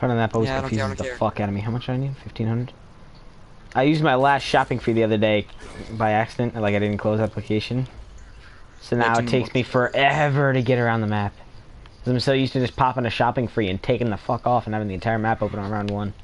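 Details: Adult male speaker; ordinary speech.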